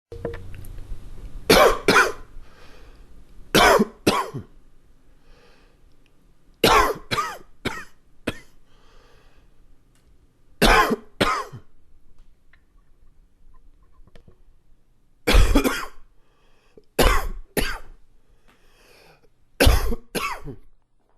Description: Shorter but more chesty coughing fit. Small bit of congestion.